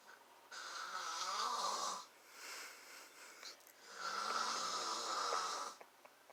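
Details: Man filmed snoring during sleep: two loud rattling snores on the in-breath with a quieter breath between; ordinary heavy snoring.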